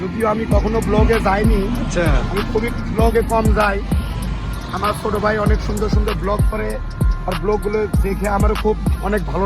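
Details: Adult male speaker; Normal speech.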